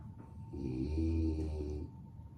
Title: The sound of my dog 🐶 Lucy snoring 😴